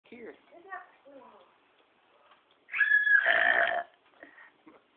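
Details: A child making short vocal sounds, then one loud, croaky burp of about a second: an ordinary belch.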